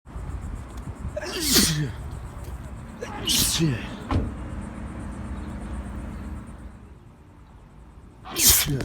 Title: Return of the sneeze